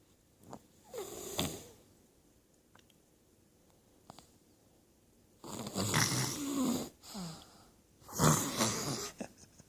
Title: Look at my little sister snoring. Following in her fathers footsteps